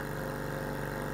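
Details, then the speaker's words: Nebulizer compressor running in a home hospital setup for a roughly 40-year-old cockatoo with lung and heart disease; a special nebulizer producing a finer mist: steady mechanical hum with a low buzzing drone. "this is where the the blue thing with the Mist is where the nebulizing comes from the nebulizer is a special nebulizer"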